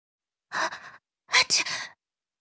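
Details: Acted sneeze by voice actor for Genshin Impact character Sucrose: a breathy gasping build-up, then a sharp "ah-ahchoo" burst; one of four language versions (Chinese, English, Japanese, Korean).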